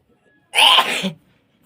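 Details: Sneeze induced with a feather: a single sharp, explosive sneeze lasting about half a second, then quiet.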